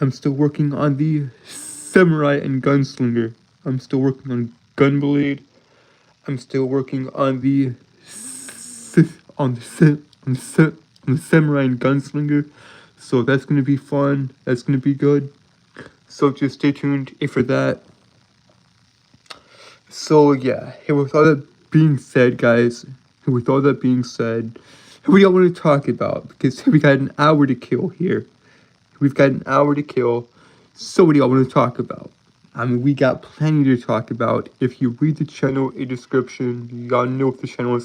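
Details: Adult male streamer's self-reported speech impediment with frequent word and phrase repetitions; speech disfluency (speech impediment).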